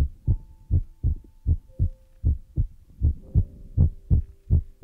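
Soft, low, thudding beats at about 79 a minute, somewhat irregular, with faint steady tones behind them; a heartbeat sound.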